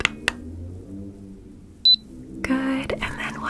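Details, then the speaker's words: Simulated nurse exam in an ASMR roleplay: a single short high beep from a forehead thermometer finishing a temperature reading, amid soft whispered speech and handling sounds. "I'm first going to take your temperature okay now I'm going to place this on your forehead is that okay with you good just said you might hear a little beep"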